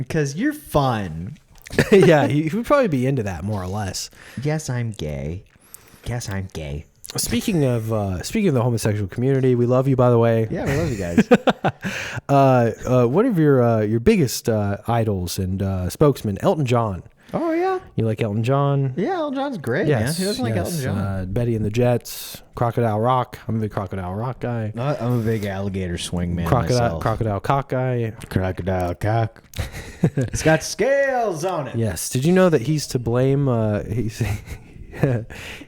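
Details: Adult men in conversation; normal speech.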